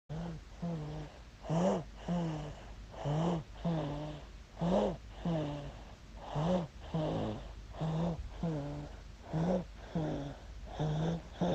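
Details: 8-month-old baby boy snoring with regular low, buzzing snores on each breath, about 39 a minute.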